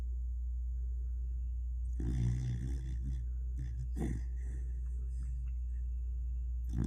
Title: Dachshund snoring like a man. 😁😁😁